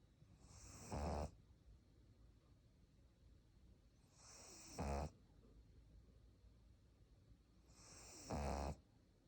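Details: Sleeping pug snoring: three loud, rattling, snorty snores about every 3.5 seconds with quiet breathing between.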